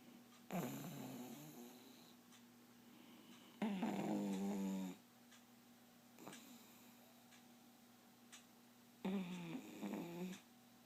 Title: Snoring yet again